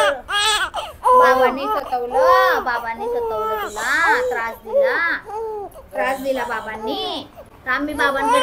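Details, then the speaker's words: Infant girl crying loudly in sustained, wavering bursts with brief breaths between them just after having her ears pierced, a pain cry after a minor procedure. "रडले की control होत नाही कोणालाच आजींना पण control नाही होत रडले की आवडत नाही आम्हालाच कसतरी वाटतं"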